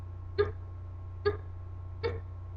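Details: Adult woman with newly diagnosed mild Tourette syndrome, tics began about a month earlier; a head turn usually accompanied by a vocal tic sound; simple vocal tic.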